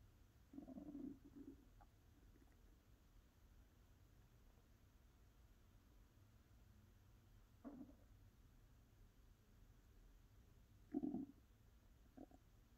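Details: ASMR recording of an adult's hungry stomach during digestion: several irregular gurgling rumbles. Bowel sounds (borborygmi).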